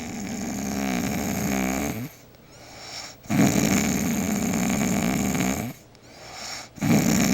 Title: loudest snoring girlfriend